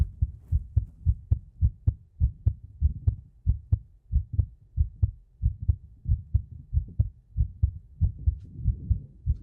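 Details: Steady deep paired thumps at about 90 beats a minute: a regular, normal heartbeat recorded close to the chest with a 3Dio binaural microphone in an ASMR recording.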